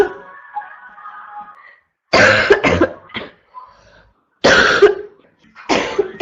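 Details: Female with a constant barking cough: harsh, explosive cough bursts in short runs, three main bouts with brief gaps, over faint background music.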